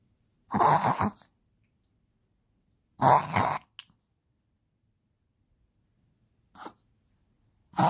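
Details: Male Chihuahua having a reverse sneezing attack, usually triggered by excitement, though owners think he was feeling sick: loud, harsh snorting bursts separated by quiet pauses.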